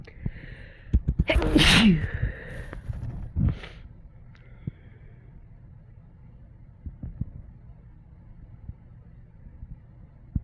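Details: Sneeze while sick with a cold, possibly induced: one loud sneeze with a sharp intake and explosive burst, then a smaller second burst and quiet breathing.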